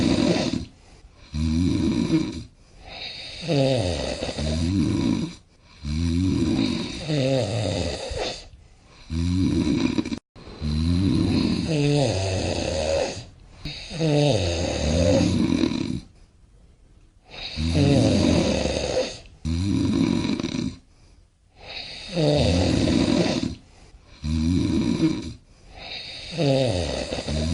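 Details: Loud, rattling snores at about 13 a minute, unevenly spaced; snoring can be a symptom of obstructive sleep apnea.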